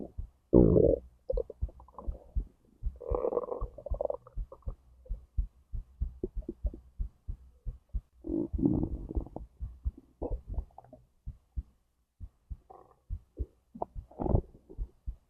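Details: Own recording of a whole digestive process from stomach to intestines, with heartbeat; gurgling rumbles and squelches over a soft steady low heartbeat; normal bowel sounds.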